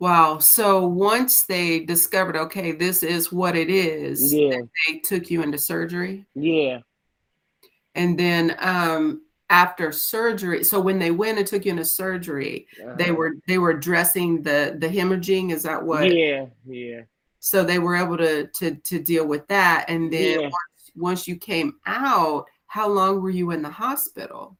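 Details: Adult interviewer; normal conversational speech.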